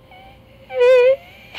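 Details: Woman singing a note with delayed phonatory onset each time, air leak before the note, caused by swellings on the vocal cords.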